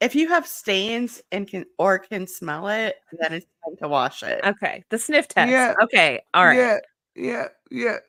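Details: Adult woman; typical speech.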